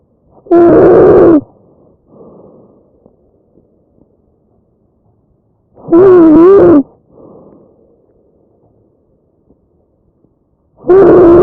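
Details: Loud, harsh musical crowing on each inspiration, about 12 breaths a minute; tracheal stridor from a narrowed upper airway.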